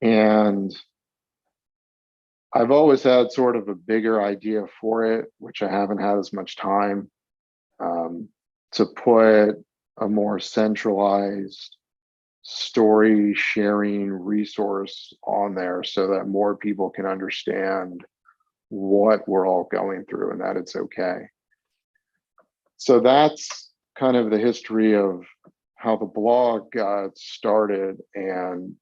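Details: Stuttering in a 42-year-old man, with onset around age eight and several years of speech therapy during school.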